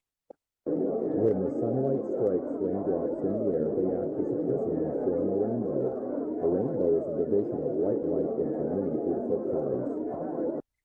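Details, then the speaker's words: Simulated moderate high-frequency sensorineural hearing loss in background noise: muffled, low-pitched speech buried in steady babble noise, missing speech information. "with that example it becomes very very clear how debilitating even this moderate amount of high frequency hearing loss can be"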